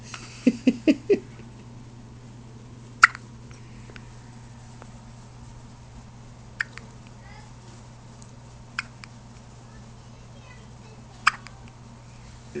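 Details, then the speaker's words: Newborn girl with her first hiccups: a few soft infant squeaks, then four brief sharp hiccups every two to three seconds over a steady room hum; father wonders if she drank too much milk. "what's wrong? You got hiccups? You drunk? You drink too much milk."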